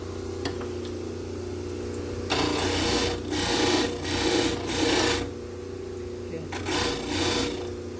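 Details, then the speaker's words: Dental model trimmer grinding a plaster study model to correct alignment so casts sit together: steady machine hum with repeated rough grinding bursts as the model is tapped against the wheel. "So to fix it, we're just going to tap it all into the machine."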